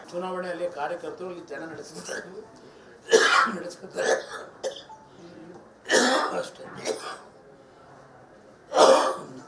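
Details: Persistent cough in a politician (JD(S)) during Pancharatna Yatra in Bagalkot: brief speech interrupted by three strong, harsh coughs a few seconds apart.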